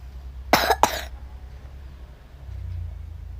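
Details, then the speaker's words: Two quick, sharp coughs in a short burst, then quiet room noise, from a Roblox player who says they keep coughing a lot; cough. "lagi batuk banget sumpah tunggu lihat say nya loh"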